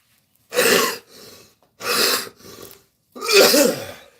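Three harsh coughs, each followed by a softer, rougher tail, evenly spaced with quiet pauses between; a repeated cough.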